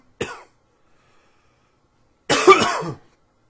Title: Coughing 82